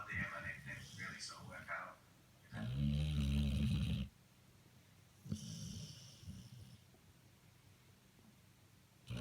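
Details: Dog snoring: loud, low rumbling snore on an in-breath, with softer noisy breaths before and after and some background room sound; snoring.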